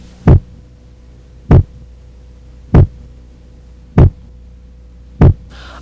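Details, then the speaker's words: Regular low thuds at about 49 a minute over a faint steady hum, in a nursing physical-exam demonstration; first heart sound from mitral and tricuspid closure, longer and lower-pitched than S2. "a primeira bulha corresponde ao fechamento das válvulas mitral e tricúspide sendo que o melhor ponto de ausculta é o foco central seu som é mais prolongado e mais grave do que o da segunda bolha"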